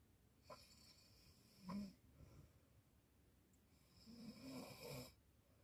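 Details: Teenage girl, tired, snoring in sleep: two soft, rasping snores on breaths in with a quiet pause between; snoring.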